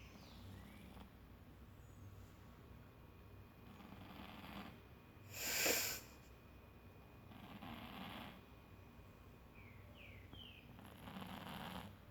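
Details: Two sleeping cats snoring together early in the morning: soft rhythmic breathy snores, about one every three seconds, with a brief louder snort in a quiet room; snoring.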